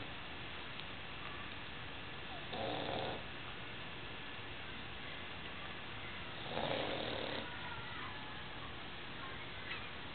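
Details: Two short snorting snores about four seconds apart from a sleeping pug amid muffled room noise: snoring.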